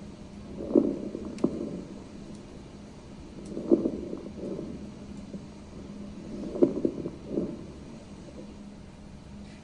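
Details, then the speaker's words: Nursing teaching example through a stethoscope: patient with very short inspiratory time, soft bubbly crackles at the end of each inspiration, attributed to fluid in the airways; crackles (rales). "you hear that kind of bubbly sound at the end of inspiration that's the RS so it's going to sound like a bubbly sound or a crackling sound a lot of times we get that crackling sound that we call Ral and that's because fluid is in the a"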